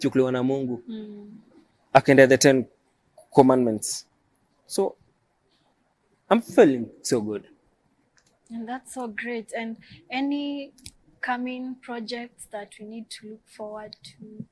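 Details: Adult man who stammers, self-described as neurological stammering present since birth; stuttering.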